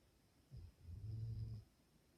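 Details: Dog sleeping and snoring peacefully: one low, rumbling snore, soft and brief, in a quiet room.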